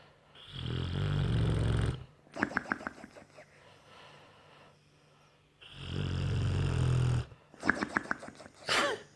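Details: Bullmastiff dog snoring: loud, low rumbling snores on each in-breath with fluttering, snorting out-breaths; two full breath cycles, about 13 breaths a minute.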